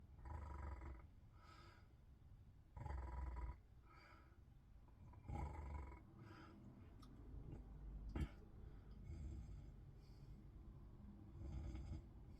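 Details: Snoring in bed: low, rough rattling snores every two to three seconds with quiet breathing between, about 24 breaths a minute.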